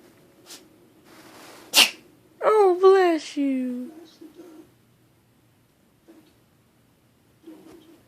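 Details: Cat: one sharp sneeze followed by several meows in a quiet room: a single sneeze.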